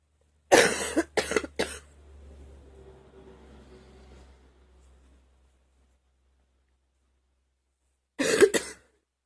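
A run of three sharp coughs, a short quiet breathing pause, then two more coughs. Five coughs in all.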